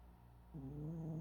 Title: Snoring so loud